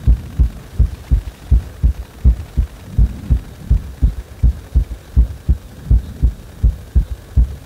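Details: Heartbeat that speeds up on its own after compression: regular, strong low thumps at about 82 beats per minute.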